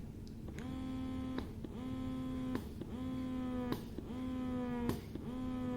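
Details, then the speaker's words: Baby Buddha 2.0 wearable electric breast pump on the one-wavy-line massage side, which has no long pull, stepped up through levels to six: rhythmic buzzing motor cycles, about one a second, each a rising hum ending in a click. "just want you to hear all of this this is the one wavy line side"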